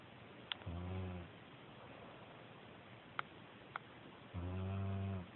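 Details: Loud habitual snoring from a man around 3 a.m., keeping the listener awake: two long, loud, low rumbling snores on breathing in, separated by a quiet pause with a few faint clicks.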